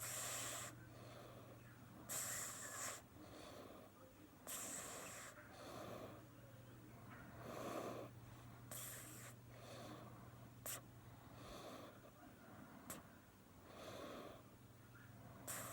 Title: Cat snores 😴🤭😄